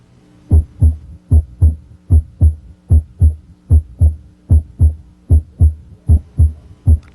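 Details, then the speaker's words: Teaching demonstration, patient rolled partway onto the left side, stethoscope bell on the apical impulse: regular heart sounds at about 75 a minute; a simulated faint S3 disappears when the bell is pressed firmly and returns with light pressure. "notice how the third heart sound disappears when the Bell is placed more firmly on the chest wall"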